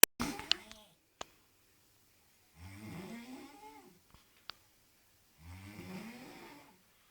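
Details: Person asleep: two long, rough, wavering snoring breaths separated by quiet pauses, with a few sharp clicks; loud snoring.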